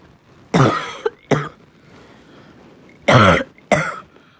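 Two pairs of harsh, hoarse, bark-like coughs with a brassy ring; a barking cough, as heard with an inflamed, narrowed upper airway.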